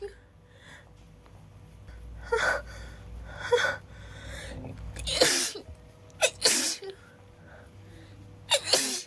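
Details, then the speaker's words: Acted scene of a girl sneezing repeatedly after getting cold and wet in the rain, with a mild headache: a quick run of several sharp sneezes with gasping breaths between, over faint room noise. "sorry it's just I'm cold and and wet I can't stop sneezing"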